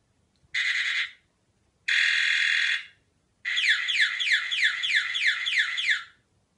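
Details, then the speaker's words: Malem M03 camouflage body-worn bedwetting (enuresis) alarm, one of eight tones, on a model that clips to a child's pyjamas: a loud, shrill electronic alarm with two steady bursts, then a fast warbling siren pattern. "next alarm is the camouflage alarm and this also has eight different sounds"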